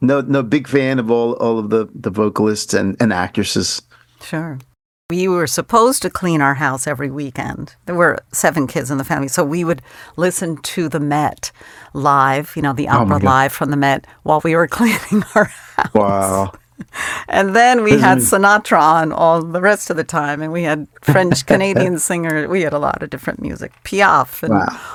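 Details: Adult man speaking in conversation; normal conversational speech.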